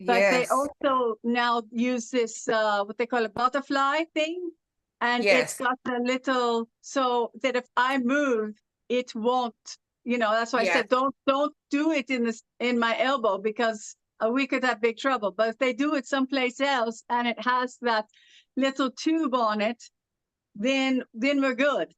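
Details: Adult woman originally from Los Angeles with foreign accent syndrome since about 2016, onset after a severe allergic reaction to a hospital spray; also generalized dystonia with full-body spasms including vocal cords and mouth; foreign accent syndrome.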